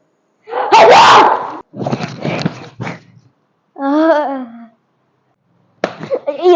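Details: Simulated sneezes in a comedy skit imitating a dad's sneezing: several loud, explosive sneezes with gasping build-ups, followed by groaning; sneezing.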